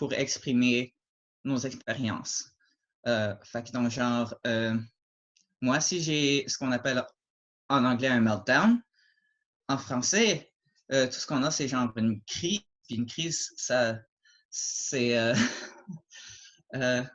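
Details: Adult French-speaking man who stutters, mild to moderate depending on circumstances and the day, with repetitions and blocks; stuttering.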